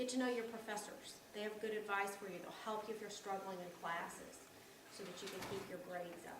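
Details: Adult woman; normal speech.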